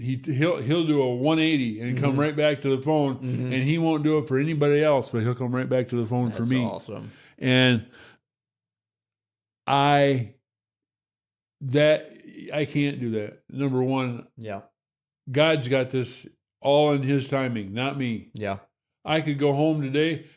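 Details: Adult man with Parkinson's disease, diagnosed about six years earlier; hypokinetic dysarthria.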